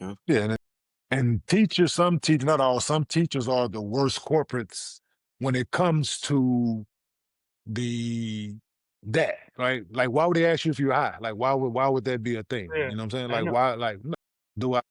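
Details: 47-year-old man, a former professional athlete, with stuttering since childhood.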